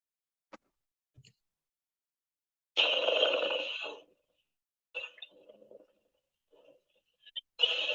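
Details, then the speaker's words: Pleural friction rub, from inflamed pleura, heard on chest auscultation: harsh, grating, creaking bursts over the chest. "y entonces de igual forma vamos a escuchar como vamos a ocultar este brote pleural"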